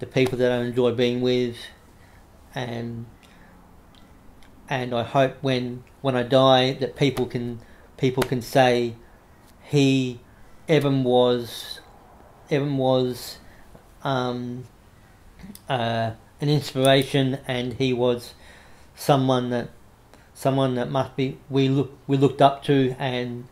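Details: Adult man with cerebral palsy after severe meningitis in infancy, affecting right arm and leg, who reports a mild stutter he tries to control by calming down; repetitions of words and phrases audible; stuttering.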